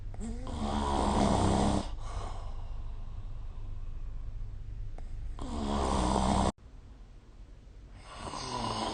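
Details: Snoring during sleep recorded with the SnoreLab smartphone app.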